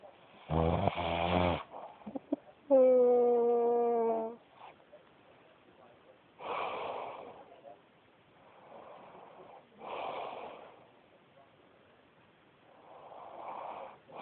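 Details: Loud rattling snore followed by a drawn-out whistling tone, then softer rhythmic snores every few seconds during sleep; snoring.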